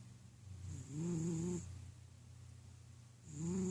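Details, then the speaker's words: A big, fat cat snoring while napping: soft, low rumbling breaths with a slightly rising hum on each inhalation, separated by quieter pauses. "big fat snoring kitty cat."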